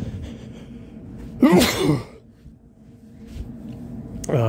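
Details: Man with a sniffly nose after being out in the rain, trying to bring on sneezes: quiet breathing, then one loud, explosive sneeze with a sharp intake before it, followed by soft breathing.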